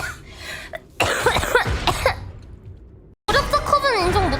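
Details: Girl coughing during a livestream while complaining of a sore throat: several short harsh coughs mixed with throat clearing and voiced sounds, then speech, over faint background music; an ordinary cough.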